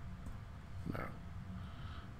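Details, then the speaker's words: Low, rumbling, fluttering snort over steady room hum from a sleeping dog: snoring. "that's my dog snoring in case you wanted to know what that noise was that's my dog snoring away"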